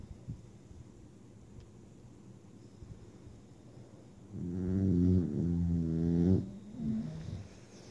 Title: snoring 2/28/16